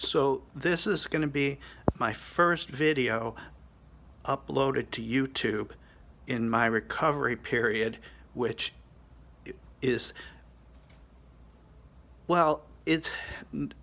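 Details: 50-year-old man with Broca's aphasia after a hemorrhagic stroke from an arteriovenous malformation and three craniotomies in November 2017, less than a year into recovery; he reports he can speak slowly but not quickly or fluently.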